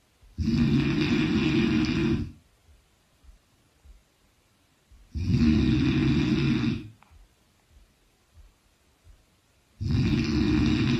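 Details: Loud, rough, low-pitched snores about two seconds each, separated by quiet pauses, roughly 13 a minute; ordinary heavy snoring.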